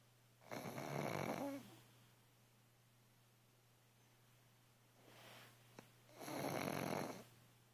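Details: Sleeping pug, possibly dreaming, snoring loudly: two long, harsh, fluttering snores with a soft breath between them.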